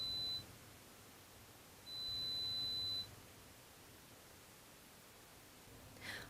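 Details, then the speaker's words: Steady high pure-tone beeps at irregular intervals in adult air conduction audiometry threshold search; 5 dB ascending steps until the client responds to two of three ascending presentations. "At this point, the intensity level is increased in 5 dB increments until a response is obtained. This is repeated until the client has responded to two out of three ascending presentations."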